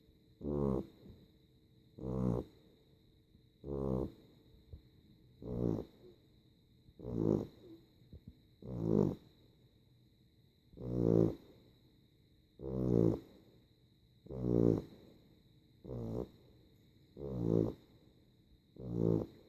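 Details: A sleeping dog snoring like a human: loud, rattling snores about 37 a minute, one on each breath, with quiet gaps between.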